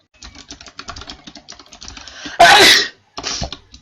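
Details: A young Chinese woman's allergic wet sneeze during a livestream; she says she feels awful and asks about rhinitis medicine. One loud, wet, explosive sneeze after a run of keyboard clicking.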